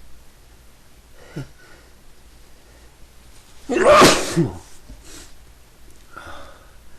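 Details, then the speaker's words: A quick intake of breath, then one loud explosive sneeze, followed by softer breathing and a sniff in a quiet room, from a person who says they have been sneezing all day and can't stop. "I can't. I've been sneezing all day. Can't stop."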